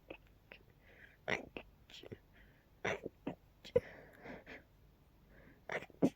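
Several soft, stifled sneezes with breathy inhalations between them, held back rather than released.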